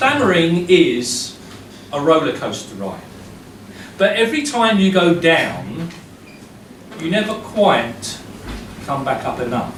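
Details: Adult male who has stammered since primary school, severely enough to control his life by his mid-40s; now uses a breathing technique and still stammers daily, though much less; stuttering.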